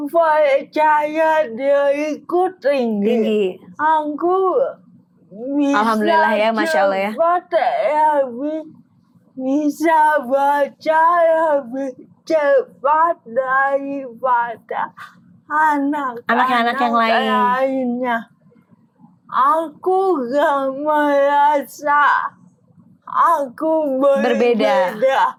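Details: Dysarthria in a young woman born in 1998 with cerebral palsy from oxygen deprivation at birth, diagnosed at age 1. It is a motor disorder affecting gross and fine motor skills but not thinking, and she has had speech therapy.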